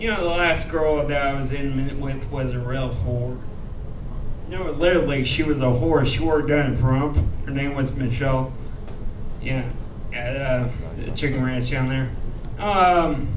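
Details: Speech of a man who reports a rare disease he calls cerebral ataxia; ataxic dysarthria.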